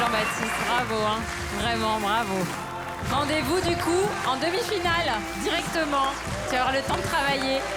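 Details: Adult woman speaking French; ordinary speech.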